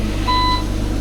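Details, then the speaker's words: A single clear electronic beep over steady low room hum from intensive care monitoring equipment in a hospital ICU, where a wounded soldier with shrapnel neck injuries who cannot speak is being married; monitor beep. "замість маршу Мендельсона звуки пікання апаратури замість рагсу інтер'єр лікарняної реанімації"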